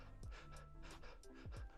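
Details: Shallow breathing (hypoventilation) heard by stethoscope on each side of the chest of a patient lying on the floor, in a basic auscultation tutorial for emergency technicians.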